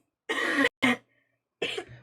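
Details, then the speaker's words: Three harsh, loose cough bursts with short gaps from a boy with a bad cough who was kept home from school; child cough. "Do y'all hear my kid coughing? He didn't even get to go to school yesterday."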